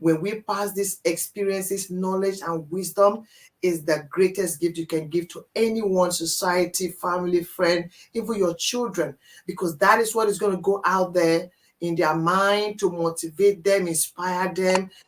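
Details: Adult speaker; ordinary speech.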